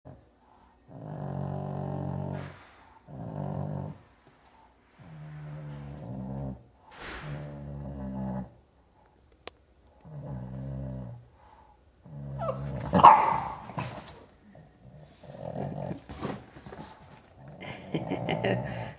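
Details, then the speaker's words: Snoring-like stertor from an awake Boston Terrier, not sleeping, concentrating while looking out the window. "And you can hear somebody snoring here, and she's not even sleeping."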